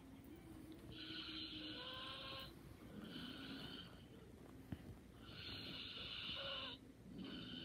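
Soft, rhythmic snores with a slightly whistling tone on each breath over steady room noise; light snoring during sleep.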